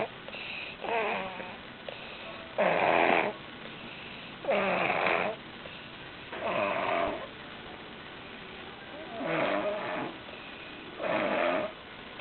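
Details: Snoring while sick, likened to a chainsaw cutting wood: six rough, rattling snores, roughly one every two seconds, with quiet breathing between them in a small room.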